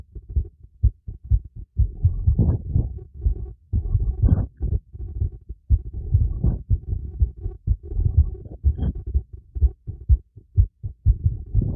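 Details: Stethoscope recording of a heartbeat during light exercise with breath play: fast, somewhat uneven low thumps around 125 a minute mixed with breathing noise; a normal heartbeat sped up by exercise.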